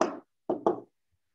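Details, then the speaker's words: Spoken imitation of fourth heart sound (S4, atrial gallop) from forceful atrial contraction: three short thumping syllables, the extra sound before S1 and S2. "when the atrium pushes so hard to force blood into the ventricles then you are going to have what a fourth heart sound"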